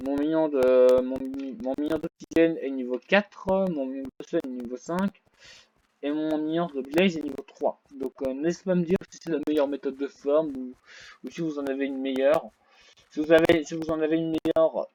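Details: French-speaking male gamer who reports having a small stuttering problem; stuttering.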